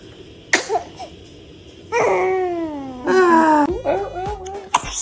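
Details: Newborn sneezing: sharp, brief infant sneeze bursts with short fussy crying or cooing sounds between them in a small room.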